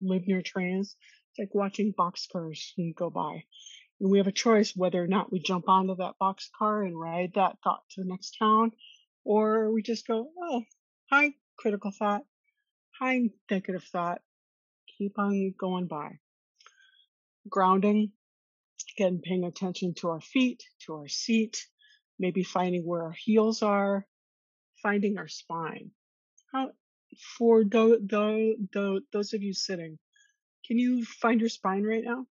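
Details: Stuttering in an adult woman who has stuttered since childhood and attended speech therapy growing up.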